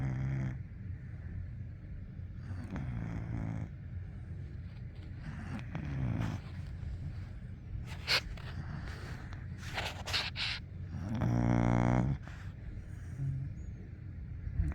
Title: Puppy snores while sleeping, then stretches -golden retriever